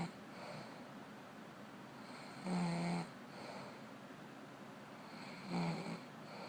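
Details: Woman snoring, recorded quietly: two rough, buzzing snores on in-breaths, about 20 breaths a minute, with quieter breathing between them and steady room hiss.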